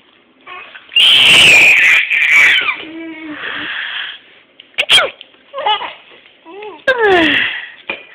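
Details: A loud, forced sneeze-like burst, deliberately faked rather than a real sneeze, followed by laughter and playful voices; imitated sneeze.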